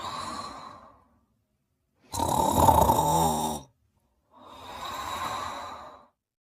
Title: Ginger Sleeping and Snoring in her Bed in 44 seconds